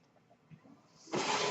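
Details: A home mechanical ventilator used by the podcaster while speaking: a second of quiet room noise, then an abrupt, steady rushing hiss of air as it delivers a breath.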